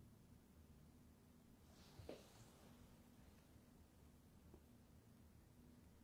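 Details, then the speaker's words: Normal bowel sounds auscultated over the abdomen of a patient lying supine during an abdominal examination: quiet abdomen with brief gurgle and fainter click, normally active, neither hyperactive nor hypoactive; patient possibly a little hungry. "sound like you may be a little hungry so just listening for your bowel sounds i hear they're normally active nothing hyperactive or hypoactive"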